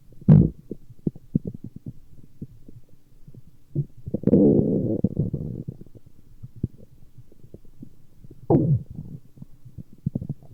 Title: Stomach Growling